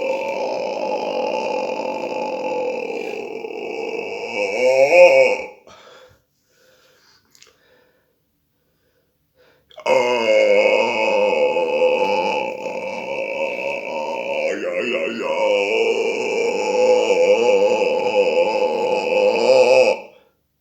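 Two long, drawn-out, rumbling tonal burps, each lasting several seconds, separated by a brief pause: prolonged belching.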